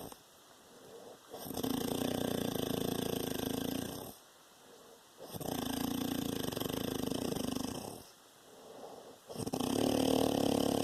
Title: Papa snoring